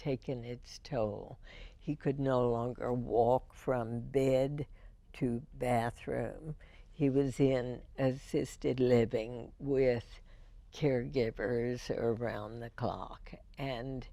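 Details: Woman with spasmodic dysphonia, diagnosed in 1998, treated every four months with botulinum toxin injections into the vocal cords; spasmodic dysphonia.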